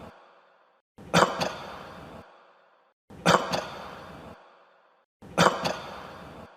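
Three identical harsh cough bursts, each with a short noisy tail, about two seconds apart; looks like one cough repeated.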